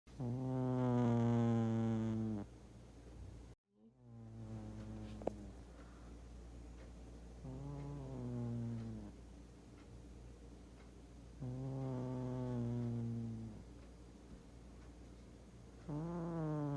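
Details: Large male cat who often snores and talks in his sleep, snoring especially heavily: repeated long, tonal, whistling snores about four seconds apart, rising and falling in pitch. Cat snoring.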